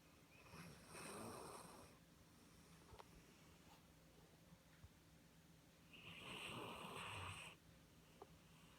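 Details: Two raspy, hissing snores about five seconds apart over quiet room noise; snoring.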